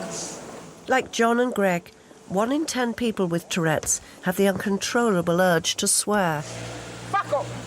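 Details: Adult narrator; normal speech.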